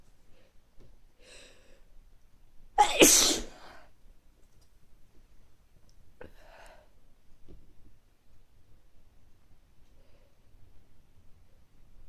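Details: One forceful sneeze followed by quiet sniffs and breathing from an adult with recurring mild colds over several weeks, nose not very stuffy; sneezing from a common cold.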